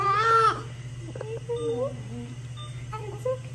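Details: Newborn son's first cries just after induced hospital delivery with epidural, meconium noted: brief loud wail, then softer whimpers and small cries in a quiet room with steady low hum; normal newborn cry.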